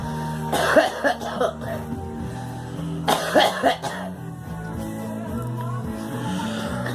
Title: Girl coughing